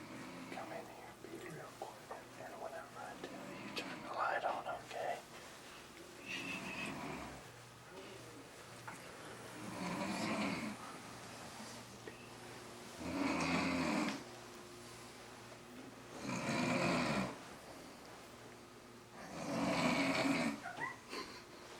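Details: Rhythmic, rough snoring at about 18 breaths a minute from sleeping parents, the mother asleep after drinking all day, with faint whispering and room noise early on: snoring.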